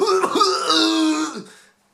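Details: An acted cough in a fictional scene, described as a small coughing fit: a short, voiced, throaty hack close to a forced throat clearing.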